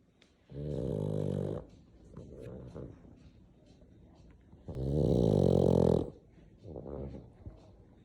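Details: Sleeping black pug: loud, rough, rattling snorts on each breath in, quieter snuffling breaths out, about two cycles in eight seconds; heavy snoring.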